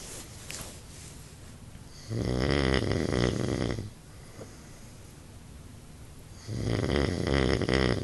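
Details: Sleeping adult man: two loud, rough, rattling snores on breathing in, each lasting about two seconds, with quiet breathing out between them. Snoring.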